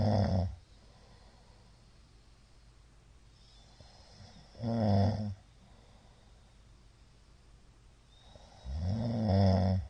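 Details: Middle-aged man asleep, recorded 2022-02-23; the recorder judges it sleep apnea from the count of shallow hypopneas. Loud, low snores about every four seconds with quiet gaps: snoring suggestive of sleep apnea.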